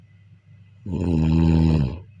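A single loud, buzzing snore on a breath in, with a humming, vibrating tone, over quiet room noise.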